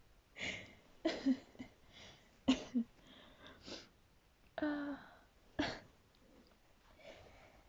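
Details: Person sneezing at 2:40 a.m., finding the sneezes unusual and painful: a quick run of several soft, high-pitched sneezes with brief breaths between them in a quiet room.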